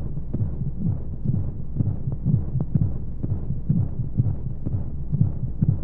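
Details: Womb sound played as a sleep aid for babies: steady, muffled low thumps at about 125 a minute under a soft whooshing hum of flowing sounds and white noise; a heartbeat as heard from within the womb.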